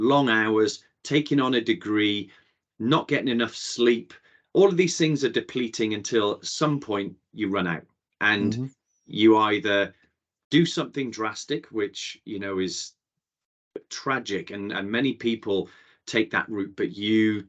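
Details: Adult male speaker; typical speech.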